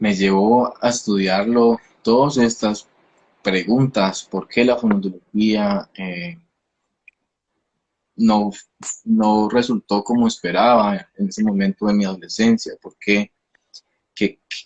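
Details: 29-year-old man, a speech-language pathologist who stutters; onset at age 13, linked to emotional upheaval around a hospitalization, with a genetic component since his father also stutters; stuttering.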